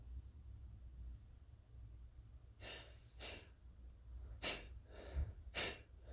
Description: I was toasting up some chili peppers, and holy crap did it make me sneezy. I was trying to stifle because they were tearing up my throat, but it didn't work very well.